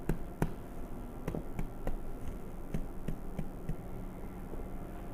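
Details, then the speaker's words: About nine crisp finger-percussion taps on the abdomen of a supine adult male, a simulated exam, for ascites: the shifting dullness test after turning onto the left side, percussing from the marked point toward the umbilicus. "penderita yang mengalami asites, terjadi perubahan batas timpani dan redup apabila terjadi perubahan posisi."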